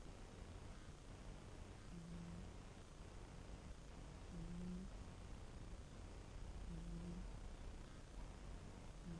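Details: Faint, soft low snores from a sleeping cat, one roughly every two and a half seconds under steady background hiss; quiet cat snoring.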